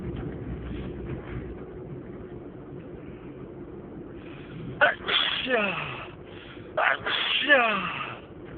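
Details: Person sneezing repeatedly, unstifled: two loud sneezes, each a sharp inhaled catch followed by an explosive burst, over quiet outdoor background noise.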